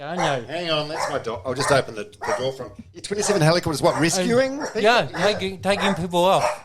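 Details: Adult male speaker; normal speech.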